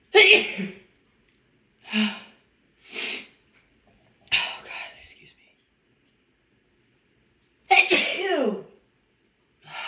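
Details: Woman with cold or allergies: several separate sneezes, each a sharp burst of air followed by quiet; sneezing.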